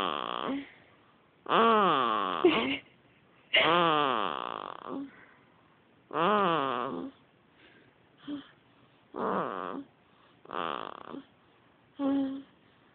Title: cute baby snoring